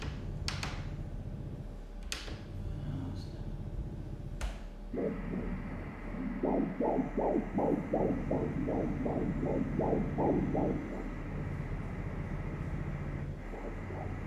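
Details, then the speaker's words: After handling noise, rapid, regular whooshing fetal heartbeat on Doppler ultrasound at 13 weeks in a first pregnancy, about 160 a minute, the sound shifting as the male fetus moves; normal fetal heart rate. "Det lyder mest ligesom den ændrer. Lyden ændrer sig lidt, fordi han bevæger sig."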